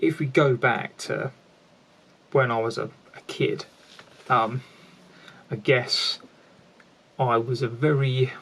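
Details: Stuttering (stammering) in an adult man who has stammered since childhood.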